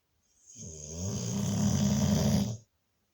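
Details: Pitbull dog snoring during sleep: one long, low, fluttering snore lasting about two seconds, rising in loudness before stopping abruptly.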